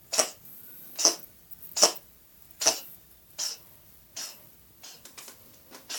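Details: Sick cat coughing: repeated short, dry, hacking bursts, about seven or eight in six seconds, fading toward the end.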